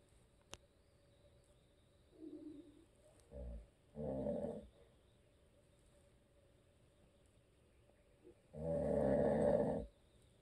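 Several separate low rattling breaths in a quiet room, the last one long and loud, fitting snoring during sleep.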